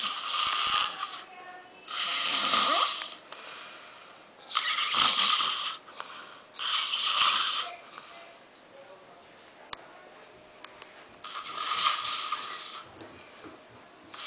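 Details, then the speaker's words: An older male cousin asleep in a living room on Christmas Eve: loud, harsh, rattling snores on each in-breath, about four in fourteen seconds with quiet gaps; ordinary heavy snoring. "um my cousin is sleeping in my living room snoring and you just have to hear it"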